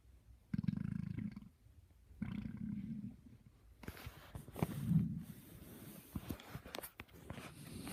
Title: My stomach growling at 6:45